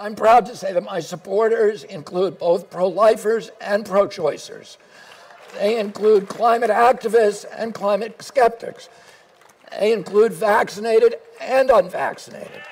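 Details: Spasmodic dysphonia in an adult man, diagnosed at some point during his career as an environmental lawyer.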